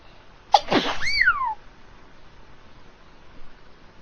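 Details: Cartoon-style imitation of how characters sneeze: a single sharp sneeze burst with a falling squeaky tail, a sound effect rather than a real person.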